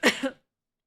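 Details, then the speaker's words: Single cough, which the person attributes to breathing in a lot of cat hair; the cough startled a nearby cat. "Sorry, I coughed, but then it scared Max. So then you guys needed to hear the cough so you could understand what was scaring Max."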